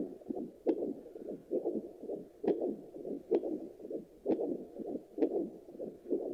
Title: Fetal Doppler heartbeat check after delivery (requested )